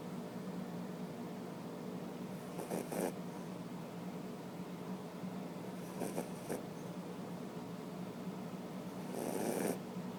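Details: A sleeping dog snoring when tired: soft, rhythmic, snorting breaths about every three seconds over a steady room hum; quiet snoring.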